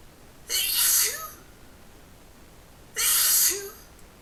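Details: Five sneezes in a row, recorded with poor sound quality.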